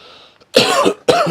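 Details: Adult male streamer gives two short, harsh coughs, following a quiet moment with faint room noise; cough.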